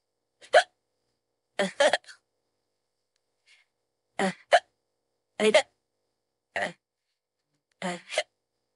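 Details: About seven sharp, abrupt throat catches in nine seconds at irregular intervals, AI-generated female character's voice at bedtime unable to sleep, hiccuping on and off for 15–20 minutes, saying "excuse me": hiccups.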